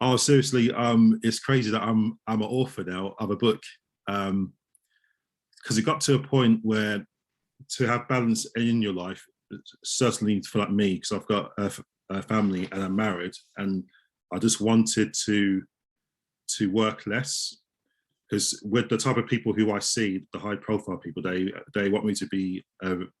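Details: Adult male osteopath who stammers, with audible word repetitions; stuttering.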